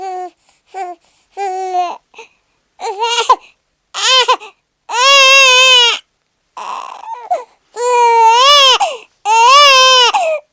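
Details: Newborn baby crying a lot in repeated high-pitched wails with short catches of breath between them, presented as a sound effect.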